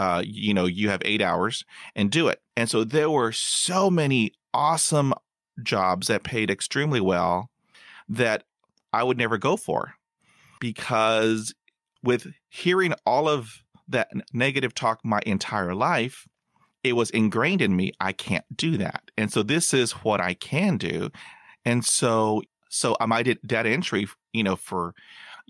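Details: Stuttering in an adult man who still stutters.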